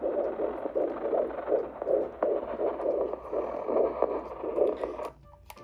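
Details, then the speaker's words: Fetal heartbeat on Doppler at a prenatal visit: fast, regular whooshing pulses at about 160 beats a minute, a normal rate; described as good, with everything fine. "We just heard the heartbeat of the baby, right?"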